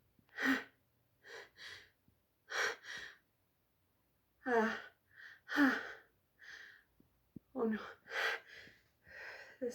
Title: I can't hold back my strong sneezes!!